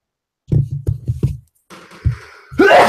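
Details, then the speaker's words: Sneeze: short voiced build-up sounds and a sharp intake, then a loud, abrupt, percussive sneeze burst; the sneezer called it percussive. "bless you did you doubt but when you sneezed yeah I really listened to this tree so I can hear how percussive my sneeze was"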